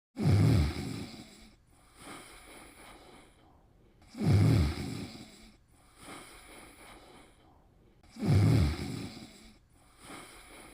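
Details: Snoring: loud, rough, low-pitched snores recur about every four seconds, roughly 15 breaths a minute, with quieter breathing between them.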